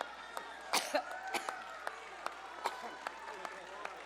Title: needs water to stop coughing uncontrollably during event